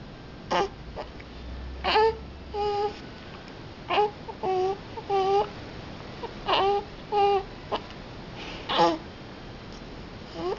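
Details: Infant with short, repeated fussy cries and whimpers, about one every two seconds, in a quiet room, while the caregiver asks if she has the hiccups; infant cry.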